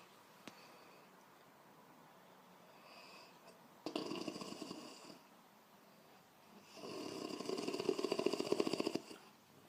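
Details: Woman snoring during sleep: two rattling, fluttering breaths in, a few seconds apart, with quiet breathing between; snoring.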